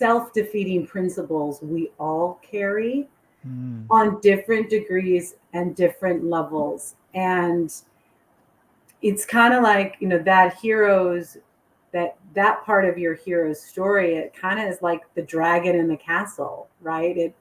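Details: Adult woman speaking; unaffected speech.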